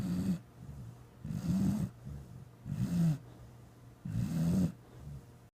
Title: Nitro snoring